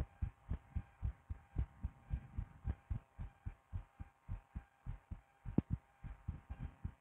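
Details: Adult woman's own heartbeat recorded through a stethoscope: steady low thumps in lub-dub pairs, about 110 a minute, over a faint constant hum; a fairly fast heartbeat.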